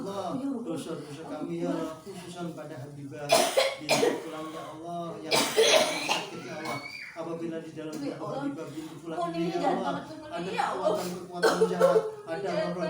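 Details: Several harsh coughing bursts with retching and gagging, amid background voices in a small room, from a patient with a non-medical illness whose abdomen was swollen as if 6–7 months pregnant.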